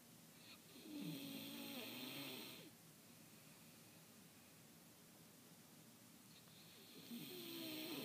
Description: Woman snoring really loud ad awkwardly and making a little bit of some other noises